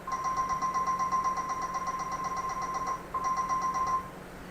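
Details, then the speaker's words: Intraoral dental scanner taking a live digital measurement of a patient's teeth: a steady mid-pitched electronic tone with a rapid fluttering pulse, briefly interrupted. "So this is the live video of the scanning of the patient's teeth. We are recording the size of the patient teeth."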